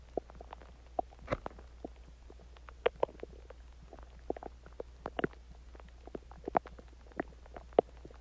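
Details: Person's stomach growling after eating Chinese food and drinking water; quiet, irregular gurgles and bubbling pops over several seconds, ordinary borborygmi.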